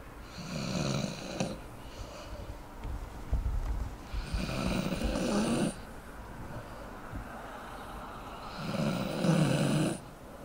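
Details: Sleeping dog snoring: rough, rumbling snores with a wheezy whistle on each breath, three in about ten seconds; snoring.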